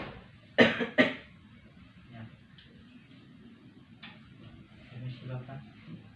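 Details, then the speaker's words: Nursing-student practice of effective cough training with an adult male patient: after deep breaths and a count of three, two strong, deliberate controlled coughs in quick succession, then quiet talk in a small room. "Dalam hitungan ketiga, Bapak batuk seperti tenang."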